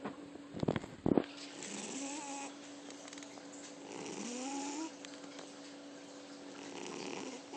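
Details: Sleeping female pet snoring: soft, whistling snoring breaths after a couple of brief rustling knocks at the start.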